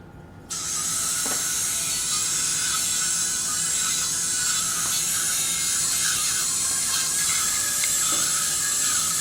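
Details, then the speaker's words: Surgical drill removing inferior ear canal wall bone for residual exostosis during transcanal revision tympanoplasty for severe tympanic membrane lateralization after previous surgeries; continuous high-pitched whirring with faint intermittent grinding contacts. "okay so I need now to drill out the inferior part of the inter worldall because I think we have some exostosis residual exostosis on the right you can see here [Music] that"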